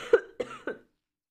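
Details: Sick streamer's cough: three short, sharp coughs in quick succession during a livestream.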